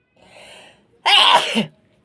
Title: Feather Inducing sneezes .